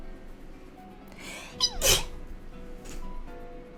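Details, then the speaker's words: Double sneeze from a streamer who was snorting with nose trouble just before: two sharp sneezes in quick succession, the second louder, over soft background music. "Excuse me. Excuse me. Why does it always sneeze twice in a row?"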